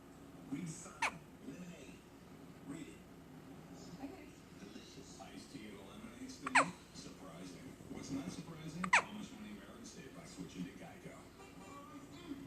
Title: Hiccups!